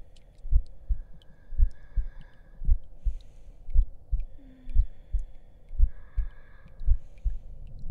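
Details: Heartbeat in an ASMR roleplay audio: slow, regular paired low thumps at about 55 beats a minute with soft hiss and faint background sounds.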